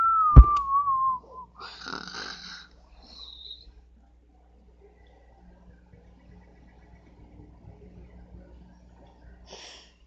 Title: Snore sound effects